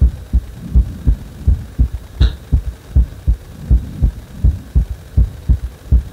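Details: Heartbeat that speeds up on its own after compression: steady, fairly regular low thumping at about 80 beats per minute with a faint background hum.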